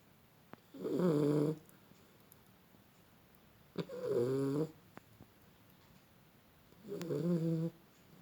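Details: Beagle snoring while asleep: three loud, vibrating snores about three seconds apart, with quiet room noise between them.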